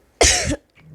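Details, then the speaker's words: Cough from a podcast participant who has the flu: coughing sounds heard during the conversation. "PTW maaf ya kalau ada suara batuk-batuk teman-teman lagi [mendengus] flu."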